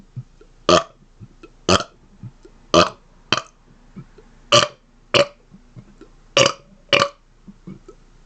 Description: Here are some of my rapid-fire burps in their 1st stand alone video! :) The viewers have spoken, and they like my rapid-fire burping! lol